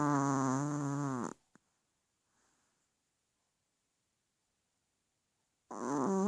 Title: Chew chew snore